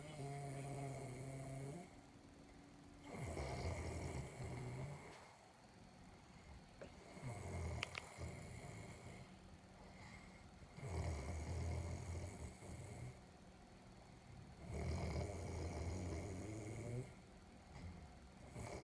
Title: This dude snore like a bike slowing down